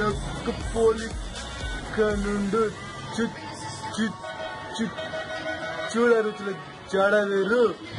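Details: Stammering in a man reciting a Telugu poem in a comedic skit, shown as how he spoke before being said to be cured; skit, possibly acted.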